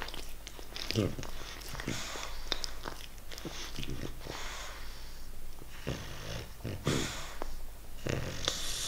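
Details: Snorting, rattly snoring breaths with people talking nearby, from a young English Bulldog puppy with a cold and runny nose, on day 5 of antibiotics; snoring.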